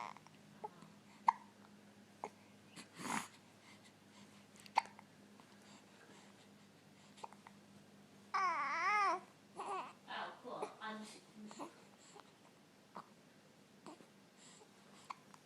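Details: Infant babbling and vocalizing, broken by short, sharp, irregular catches in the breath; hiccups.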